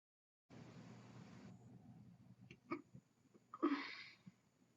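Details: Barking cough during a cold: a couple of short, harsh cough bursts with a rough, barking edge over faint hiss.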